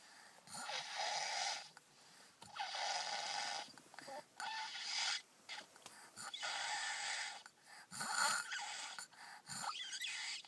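Irregular, hissy, rasping breath noises in repeated bursts, about 34 a minute, with some snorts; noisy breathing like snoring.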